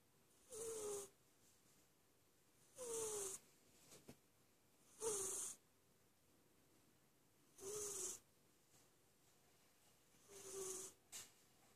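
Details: A sleeping cat snoring: soft, whistly, hissing snores about every two and a half seconds, roughly 24 breaths a minute.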